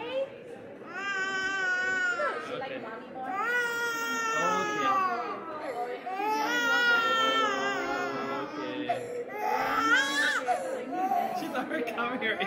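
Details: Baby during ear piercing: loud, sustained crying in long wailing bursts with catching breaths between them; distressed infant cry.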